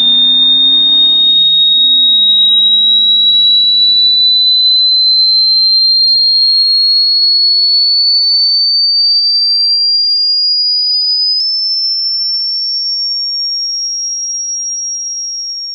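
Steady, piercing high-pitched tone imitating ear ringing (tinnitus) after loud music, with a fading low hum early on.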